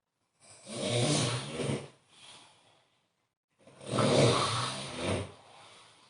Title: snore snore